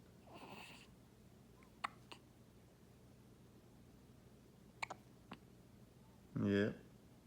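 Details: Baby with hiccups: short, sharp, quiet catches spaced irregularly in a quiet room, then a brief infant vocal sound; infant hiccups.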